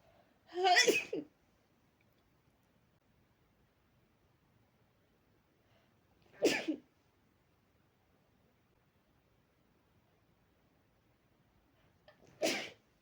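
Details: Three sharp, muffled, soft-edged sneezes several seconds apart, near silence between, from a person sneezing into a fluffy pillow after burying their face in it until a tickle came; sneezing.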